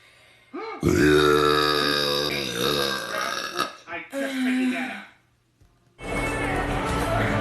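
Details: Woman producing long, deep, drawn-out, thick relieving burps with a rumbling voiced quality, followed by a shorter one; ordinary belching, from a compilation.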